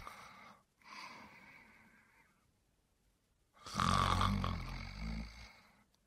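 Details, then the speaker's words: Low-pitched, rattling, turbulent snoring breaths during sleep from the upper airway, presented as similar to stertor; snoring. "snoring is similar to stter and that involves noisy breathing during respiration however snoring specifically occurs during sleep and is characterized by the same low pitched turbulent sound"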